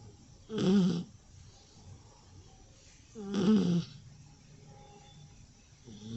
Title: 30 Seconds of a Rescue Puppy Snoring